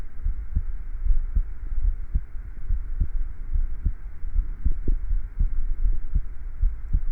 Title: A Short and Steady Heartbeat Recording